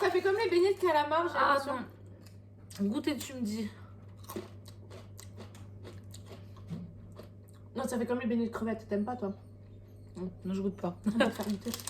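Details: Adult speakers; typical voice.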